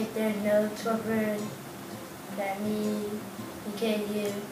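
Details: 11-year-old boy with severe to profound bilateral sensorineural hearing loss, using cochlear implants, attending a school for the deaf; deaf speech.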